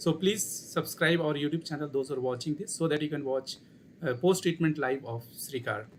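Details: Adult male speaker; normal speech.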